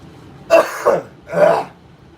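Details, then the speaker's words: Two rough, harsh bursts of coughing and throat clearing in a quiet room from a sick adult bringing up congestion from the sinuses and throat: a cough and throat clearing during illness. "ough, the cough where you're like breaking up disgusting junk inside your sinuses and throat, esophagus, all that goodies, all the good stuff, you know."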